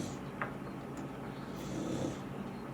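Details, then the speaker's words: Someone snoring in the background in the afternoon: soft, low rumbling snoring over steady room noise while the speaker cooks and recovers from a bug. "you can probably hear a little snoring she's really on one this morning or this afternoon I guess it is now she's snoring away so my apologies"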